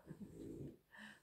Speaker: puis vous entendez le ronflement du chien derrière là vraiment vraiment sympa